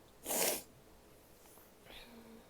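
One sharp, explosive sneeze followed by quiet breathing and a soft voiced sound.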